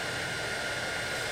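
Steady hissing rush of air from an ozone cleaner pumping air through a CPAP hose.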